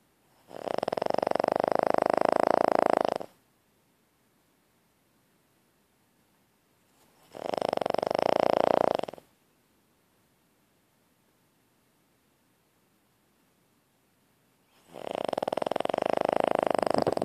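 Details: Slow, rhythmic rasping snores from a sleeping pet, roughly eight breaths a minute with quiet pauses between.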